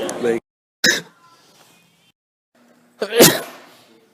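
Sharp explosive bursts through the nose and mouth, a final loud one trailing off; repeated sneezes with brief room sounds between.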